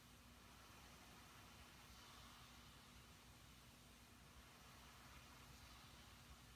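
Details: A CPAP machine running during sleep: a steady, quiet whooshing hiss with a faint low hum; no snoring is heard.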